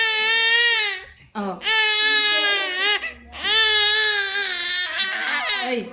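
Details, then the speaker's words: Infant crying: loud, sustained wailing cries in long bursts with brief gasping pauses; onlookers say there are no tears and call it acting up. "oh Y artista oh si parang Coco markel lang wala mang wala mang luha o wala ngang luha"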